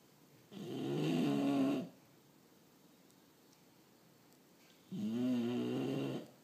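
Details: Bulldog snoring while asleep: two long, buzzing, vibrating snores about four seconds apart with quiet between, loud snoring from a short-nosed dog.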